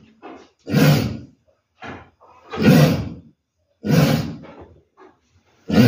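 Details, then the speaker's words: Deep, harsh, choking-like coughs in about three strong bouts from a pregnant ewe that is off feed and listless; owner is unsure whether it is choking or cough, persisting despite massage and herbal treatment. "Oke di video kali ini saya akan membuat video pengobatan domba batuk ya kebetulan domba saya mengalami batuk seperti di ini videonya"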